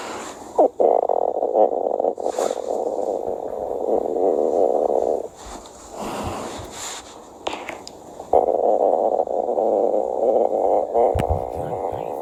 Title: S stomach growling